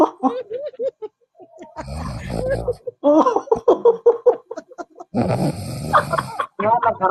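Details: Two long, rough, rattling snores from a sleeping person between bursts of people talking nearby; loud snoring.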